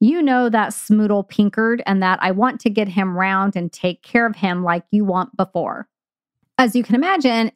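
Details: Imitated Wernicke's aphasia: a healthy speaker reads an example of stroke-related aphasia with impaired language comprehension, producing word salad with random words inserted.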